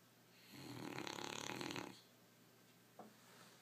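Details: Owner unsure whether it is flatulence or snoring: one long rattling, fluttering breath over a second, then quiet with a brief snort; a single snore.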